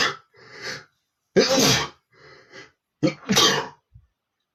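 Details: Male sneezing loudly: two loud sneezes, each preceded by a quick in-breath, in a quiet room.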